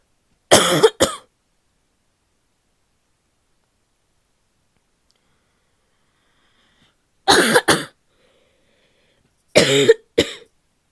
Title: barky coughing fit (f)